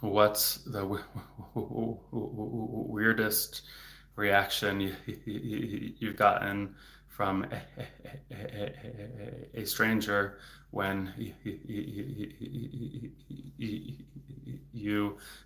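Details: Adult male speech-language pathologist who stutters, speaking in a livestream, with word repetitions; stuttering.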